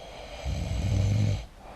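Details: Heavy snoring from a very loud snorer testing lubricating lozenges: one loud, low, rattling snore on a breath in, lasting about a second, with quiet room noise before and after.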